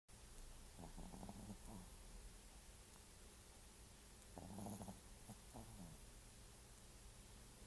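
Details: Snoring coming from the lap: soft, rough, fluttering breathing sounds in two short bursts over a steady background hum; snoring.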